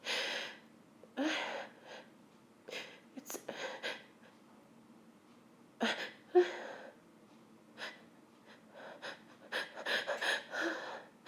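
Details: Woman sneezing after sniffing pepper, trying to hold back with intense nasal tickle and burning: a run of sharp breathy sneezes with gasping inhalations between, several in quick succession.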